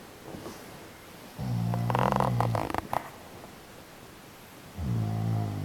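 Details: Adult man snoring while partner lies awake: loud, rattling snores on the in-breath with quieter gaps between them; ordinary snoring.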